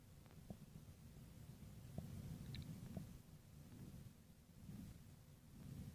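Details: Stomach growling: quiet, low gurgling and rumbling with a few small squelches, from gas and fluid moving through the gut.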